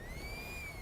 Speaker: Now, that noise that you hear is wheezing, and it is caused when smoke particles and mucus have clogged an airway, and they're not letting all air get out.